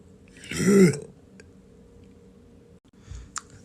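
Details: A girl deliberately makes a single short, low, rumbling voiced burp in a quiet room; intentional burping (eructation).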